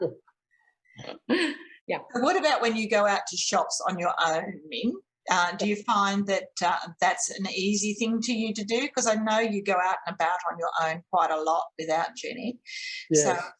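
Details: Adult woman speaking; normal speech.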